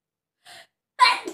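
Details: A brief in-breath followed by a single sudden, breathy sneeze burst, self-induced as part of a sneezing challenge.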